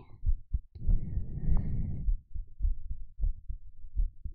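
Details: ASMR heartbeat recorded with a 3Dio binaural microphone during a bedtime story reading: soft, low paired thumps at about 100 a minute, with a brief rustle partway through.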